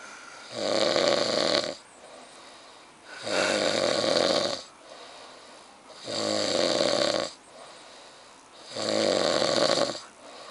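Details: Very loud, harsh, rattling snores about every 2.7 seconds, roughly 22 a minute, with quiet breathing between: thunderous snoring of a young man from Chiang Rai during sleep.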